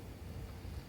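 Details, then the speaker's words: Suction machine running during a tracheostomy and oral suctioning procedure demonstration with a trach mask attached and a pulse oximeter in place: a steady low motor rumble. "suction your secretions using the same principle"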